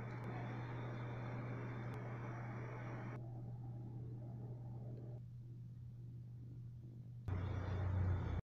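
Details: Mini nebulizer compressor (for adult and child, with mask) running: steady low motor hum and buzz, briefly quieter midway then loud again.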